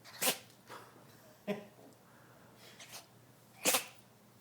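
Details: Dog sneezing: three sharp nasal bursts over about four seconds, with softer snorts between.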